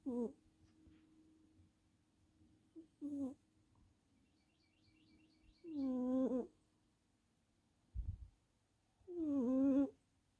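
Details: Sleeping tuxedo cat snoring: soft, squeaky nasal snores every few seconds, with faint birdsong in the background.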